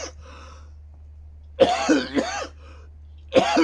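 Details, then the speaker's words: Adult man with a cold or flu bug (aches, sore throat, stuffy nose) bringing up phlegm, with ache in one side of his back: short run of two or three loose, harsh productive coughs in a quiet room. "d getting in and out of bed going to the toilet getting rid of all the phlegm and crap I was bringing up yeah so it was a rough night last night"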